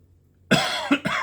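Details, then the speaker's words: Adult man with ongoing cough and wheezing triggered by talking; ENT scope showed redness and irritation at the top of the esophagus, suspected acid reflux; three harsh, dry coughs in quick succession; chronic cough. "Sorry, I'm going to be coughing a lot because all this talking is going to make me cough."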